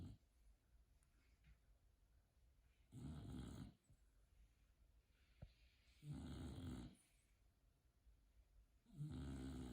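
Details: Sleeping bulldog snoring: three low, rumbling snores at about 20 breaths a minute with quiet pauses between; snoring.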